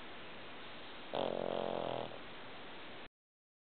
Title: Zim Snoring